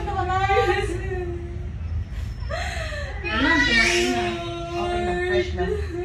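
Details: High, wavering cries of a newborn just after a natural vaginal delivery with a twisted umbilical cord, mixed with adult voices and room noise; a normal newborn cry.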